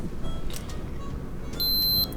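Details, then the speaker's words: A man checks his blood sugar; blood from a finger prick is touched to the test strip. A short high electronic beep is heard over music and room noise: the blood glucose meter beeps to signal the sample is taken. "and then you just kind of wait for the little water droplet thing to come up that's probably I drop a blog look and then you touch the blood to Attila beeps come on"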